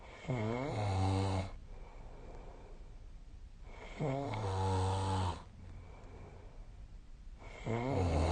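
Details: Snoring during sleep on 2025/01/26: loud, low, rattling snores on each in-breath, about 16 a minute, with quiet exhalations between.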